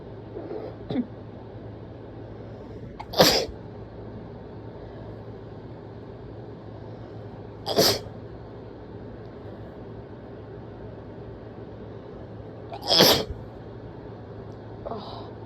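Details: Person letting out three forceful, wet sneezes spaced several seconds apart over a quiet room hum, alongside throat clearing and nose blows; sneezing.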